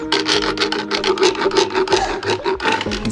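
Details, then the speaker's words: Rapid repeated scraping strokes of a metal rasp floating the teeth of a very old mare held open with a metal gag, during dental work in which a huge broken lower molar was found. "And being that, she's a little bit, pardon the pun, long in the tooth. She's getting some dental work today."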